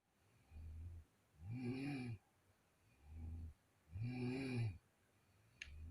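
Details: Sister snoring in the middle of the night: loud, rattling, low snores about 18 a minute, each with a softer lower rumble on the other breath phase.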